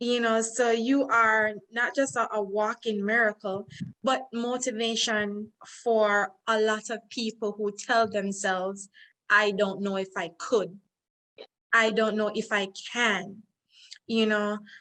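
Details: Adult woman speaking; normal speech.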